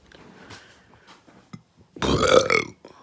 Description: Violent burps caused by fast food.